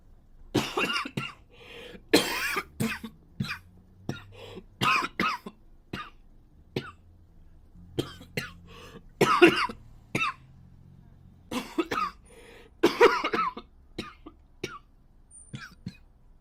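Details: Japanese boy coughing: run of short, harsh coughs and throat-clearing bursts in quick clusters with quiet gaps.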